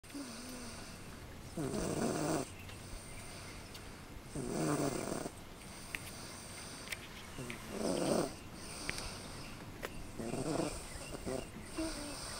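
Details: Female heard snoring for the first time during a car ride: rhythmic rattling snores, about four in twelve seconds, each a low buzzing on the in-breath with quieter pauses between, over steady room hiss.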